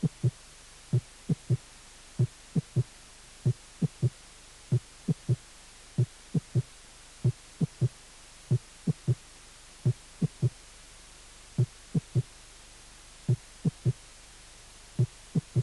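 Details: Slow heartbeat, about 46 a minute, with an extra low thud after the second sound: a third heart sound (S3 gallop), from a cardiac auscultation teaching course.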